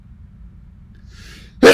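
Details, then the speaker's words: During a beer review, after a soft intake of breath, a man gives one sudden loud sneeze that cuts off abruptly. "this spirit makes me sneeze dave crazy kitties i sound like an aggravation sneeze"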